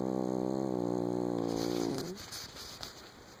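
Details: Sleeping cat snoring: a single sustained buzzing, tonal snore fading into soft breath noise.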